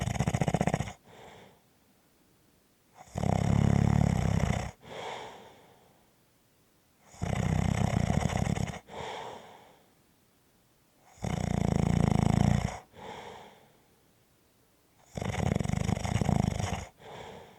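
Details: Loud, rattling breaths in with softer breaths out, regular at about 15 breaths a minute: snoring.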